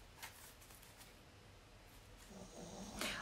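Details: Pug sleeping in a quiet room: faint, rough snorting breaths, the last one louder and rattly, snoring from a small flat-faced dog.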